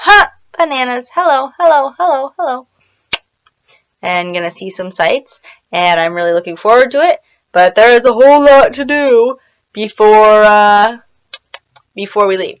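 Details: Woman with Tourette syndrome; vocal tics (Tourette syndrome).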